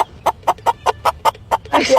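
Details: Involuntary, sudden, repetitive vocal tic in Tourette syndrome, a chronic neuropsychiatric disorder with multiple motor tics and at least one vocal tic; the tic is not painful; vocal tic (Tourette syndrome).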